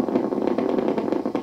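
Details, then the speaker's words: Needle EMG of a hand muscle while the patient raises a finger toward the ceiling at moderate activation: rapid, rhythmic crackling pops of normally firing motor units; normal motor unit potentials. "they are normal motor units the muscle is firing normally and this is at moderate activation"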